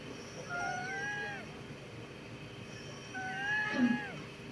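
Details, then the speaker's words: Adult male COPD patient in acute exacerbation, breathing in and out deeply on command: two musical, whistling wheezes on expiration. Wheezing from airway narrowing in the lungs. "Nah, ini suara wheezing tuh. Oh, suara mengi di parunya."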